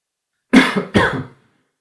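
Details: Two quick dry coughs breaking silence in a quiet room; plain adult cough.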